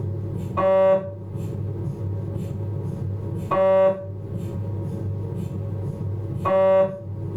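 Steady low hum with loud tonal buzzing bursts about every three seconds, roughly 20 a minute: MRI scanner running an imaging sequence.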